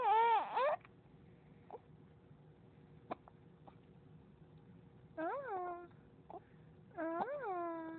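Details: Baby girl aged 3–4 months with the hiccups: soft, abrupt hiccup sounds at irregular intervals among fussing cries and whimpers; normal infant hiccups.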